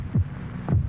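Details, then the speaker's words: Vintage Bufferin TV commercial presenting the sound of a human heart beating 72 times a minute: two low thumps about half a second apart, one lub-dub of a normal resting heartbeat. "this is the sound of a human heart it will beat 72 times in this minute"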